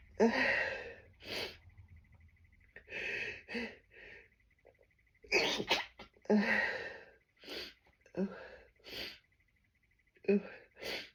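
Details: Strong sneezes during a tree-pollen allergy bout, desperately stifled: a series of muffled, pinched sneezes with sharp catching breaths between them.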